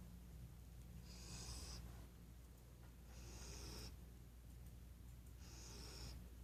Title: Ghost snore